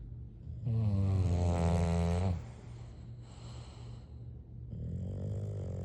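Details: Sleeping English bulldog snoring: a deep, resonant rattling snore on the in-breath, then a softer breath out.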